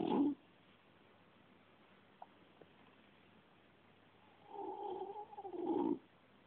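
A sleeping cat gives a drawn-out, slightly whistling snore on the breath, separated by quiet pauses.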